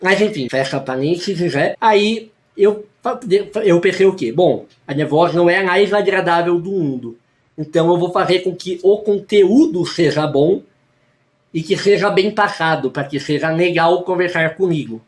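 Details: Lifelong articulation disorder (imprecise diction) in a male speaker, who says he hears his own speech as correct while others hear it as wrong.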